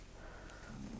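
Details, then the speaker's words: Snoring from a small pet dog sleeping in the background while its owner talks. "I enjoyed sewing it the instructions were really really good and I'm sorry if you can hear Frank snoring he's decided to just really go for it as soon as I've started chatting"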